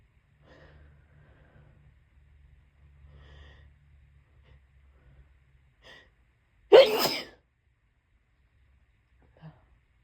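Quiet breathy build-up followed by one loud explosive sneeze in a quiet room.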